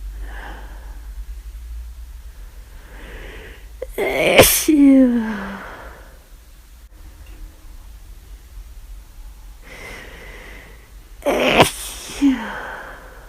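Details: Two forceful sneezes, each preceded by a sharp inhaled gasp and followed by a falling voiced tail; repeated sneezing with flu, constant itchy nose, recorded over about half an hour.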